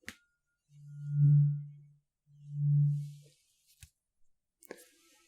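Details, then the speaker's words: Role-played ASMR cranial nerve exam, hearing test: tuning fork rung and held near an ear, listener's eyes closed, two soft pure low humming tones swelling and fading, with faint handling clicks. "What I'm going to do is ring it, hold it up to an ear, and you tell me when you can no longer hear it."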